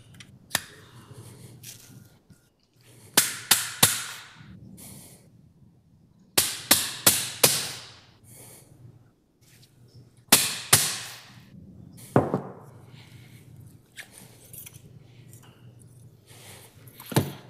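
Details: Sharp metallic mallet taps in bursts of two to four, driving a working channel into the sacroiliac joint during posterolateral sacroiliac joint fusion surgery with hardware; surgical malleting.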